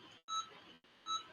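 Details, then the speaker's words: Two short electronic beeps under quiet room noise from the anesthesia monitor of an anesthetized pet undergoing periodontal pocket probing after power and hand scaling during veterinary dental treatment: anesthesia monitor beeping. "you're hearing the beeping and that's from up the patient because it is it is under [Music] anesthesia"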